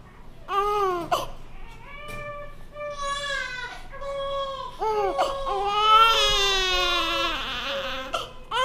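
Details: A newborn baby cries in repeated, high-pitched wails with brief catch breaths between them in a small room; newborn cry.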